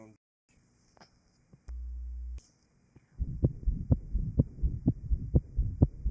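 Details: 1955 Johns Hopkins heart sound laboratory recording of an interventricular septal defect after pulmonary artery plication (banding), at aortic, pulmonic, lower left sternal border or apex areas: rapid heartbeat near 128 per minute with a continuous noisy rumble between beats.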